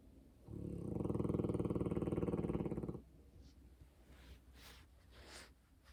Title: Polski Owczarek Podhalanski is snoring.